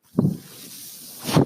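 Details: Speaker's own mechanical ventilator heard while talking on a podcast: two brief whooshing air pulses just over a second apart, with a steady soft hiss between them.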